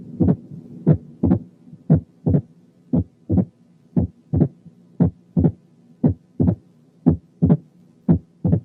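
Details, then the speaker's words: Opening snap: regular heartbeat near 58/min with a sharp, snapping early diastolic sound, nearer to S2 than a third heart sound would be but further than split S2 components. "أقول لكم كده: رقم 1 كان opening snap، رقم 2 كان gallop، رقم 3 كان wide but variable splitting of the second sound في حالة right bundle branch block، رقم 4 كان third heart sound من غير tachycardia."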